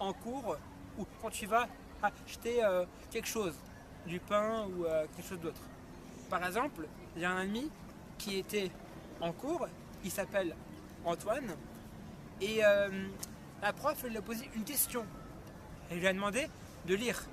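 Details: French-speaking male host deliberately imitating stuttering, with repeated chopped syllables and blocks, to illustrate the disorder; stuttering (imitated, not real).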